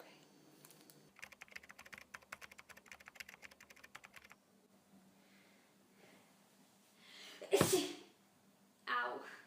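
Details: Staged comedy sketch: keyboard typing in a quiet room, then one sharp, explosive sneeze and a brief noisy sound after it; sneezing.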